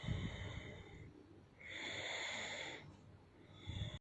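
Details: A partner sleeping and snoring loudly: deep rumbling snorts alternating with long hissing breaths out.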